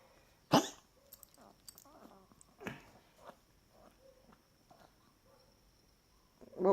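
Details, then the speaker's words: A dog's coughing fit: several harsh, forceful coughs spaced over a few seconds; the dog keeps coughing and cannot stop, and the cause is unknown. "now you done down how many more coughing seizures are you going to have no you just can't stop"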